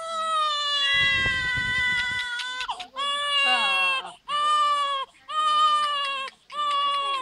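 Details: Loud, strong rhythmic crying in repeated long wails with short breaths between, about 54 a minute; healthy newborn baby's first-day cry.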